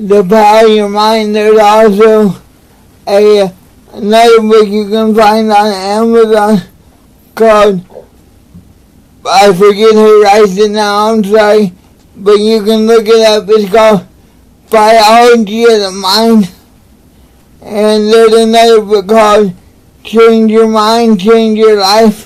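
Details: Adult man with cerebral palsy; dysarthria (cerebral palsy).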